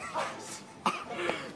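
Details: Sneezing attack: a drawn-out voiced build-up, then a sudden explosive burst and a smaller second burst, in a small room.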